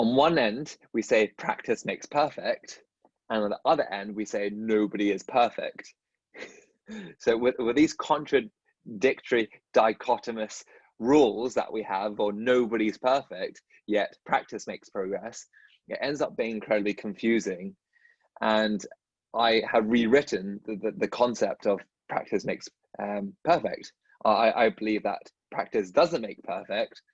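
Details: Dentist who stutters, speaking in a podcast conversation with another dentist who stutters; stuttering.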